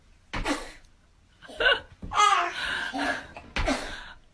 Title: Sneezing babies will make your day #shorts #betterdays